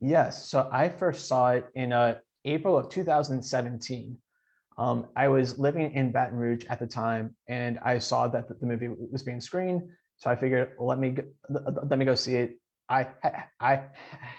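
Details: Adult man who stutters, speaking in an interview with audible repetitions; stuttering.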